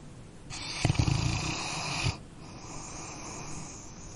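A single loud, rasping snore on an in-breath from a sleeping dog, followed by quieter breathing; an ordinary snore.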